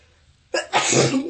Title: Harsh bronchitis sneezes